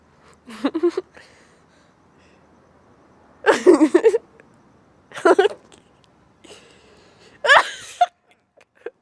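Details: Person with a sneezing fit: four loud, abrupt sneezes a couple of seconds apart, each with a sharp voiced onset.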